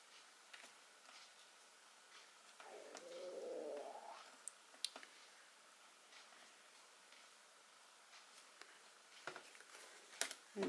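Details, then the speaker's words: Brief rising gurgling rumble, about 1.5 seconds, of an adult's own stomach growling loudly while they craft a card; ordinary borborygmi from gut movement. "just in case you could hear that that is my stomach growling like crazy right so there you go you're very special to me"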